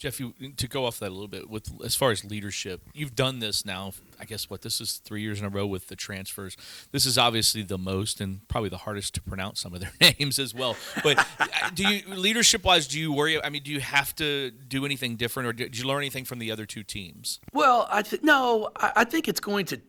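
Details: Adult men, interview; typical speech.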